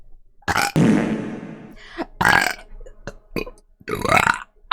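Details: Vtuber streamer repeatedly belching on stream: several loud, drawn-out burps in quick succession with a few short clicks between them, amid coughs and throat clearing.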